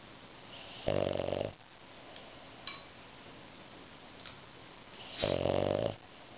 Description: フレンチブルドックのあめりのいびき。おとうさんの股の間でグーグー。いい気持ちで目を開けながらもいびきをかいています。